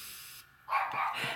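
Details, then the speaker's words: Adult with a seasonal cold caught in spring or summer: single loud, harsh, bark-like cough breaking a quiet room; barking cough. "I messed around and got a cold I get one about this time every year of spring or summer"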